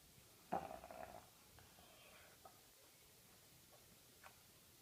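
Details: Sleeping Labrador gives one short, rattling snort-like snore, then quiet breathing with faint background noise.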